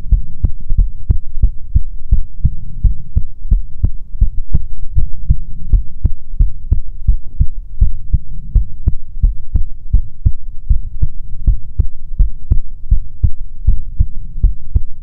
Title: ♡ ASMR ♡ Goth Succubus Fox Girl Gives You Best Heartbeats